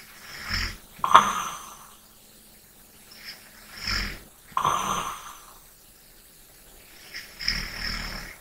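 Soft rattling snores alternating with light breathing, about three cycles in eight seconds, in a quiet room.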